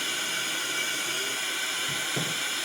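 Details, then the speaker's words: Training demonstration on a breathing volunteer with a new device in BiPAP mode: a steady airy hiss at two alternating pressures, the dial dropping on each exhalation, not at full recommended pressure; faint voices at the end. "all right I'm in by Lev mode right now I'm going to turn it on"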